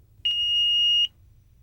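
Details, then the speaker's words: Philips HeartStart FRx AED in a training demonstration: green on/off button pressed, giving a single steady high-pitched tone under a second, the power-on alert. "to summarize after confirming that the patient appears to be in cardiac arrest push the green on/off button to turn on the FRX"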